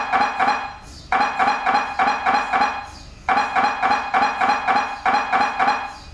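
Loud ringing metallic knocks in rapid bursts of about four per second, with short pauses between bursts, typical of MRI scanner gradient noise.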